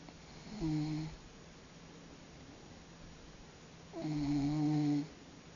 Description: Big Friendly Snoring. Big Friendly, born March of 2001 is our large cat weighing in at 18 lbs. His most favoritest thing in the world is to sleep in someone's lap, and, he snores.